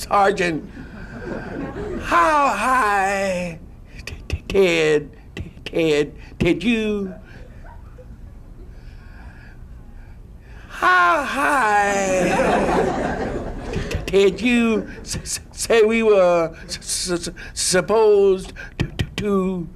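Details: Stuttering imitated by a male comedian portraying a paratrooper; acted, not a real speaker with the disorder.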